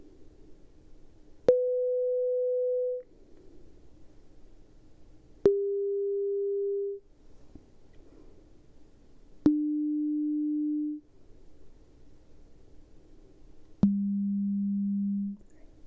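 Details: Role-played (ASMR) pure-tone hearing test through headphones, the client raising a hand at each beep: four steady pure tones, each about 1.5 seconds and each lower in pitch than the last.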